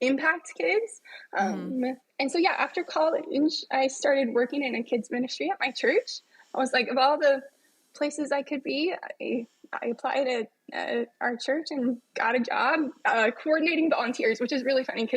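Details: Adult woman with spasmodic dysphonia, which she describes as a vocal cord spasm affecting her speech, heard in a podcast interview.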